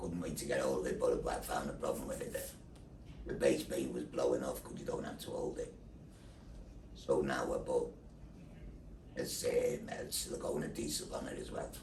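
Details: Adult man after total laryngectomy for larynx cancer (voice box and thyroid removed, neck dissection), followed by radiotherapy, speaking through a neck valve; tracheoesophageal (alaryngeal) speech after total laryngectomy.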